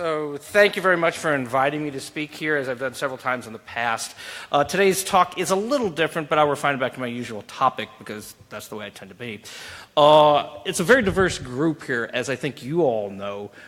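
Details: Adult male speaker; normal speech.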